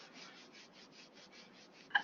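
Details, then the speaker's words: Imitated pericardial friction rub of pericarditis, with precordial pain that worsens on inspiration: repeated scratchy, grating strokes like two surfaces rubbing together. "presenta un dolor político asociado a un frote pericárdico brotes como sin frotar en dos superficies ya algo más o menos"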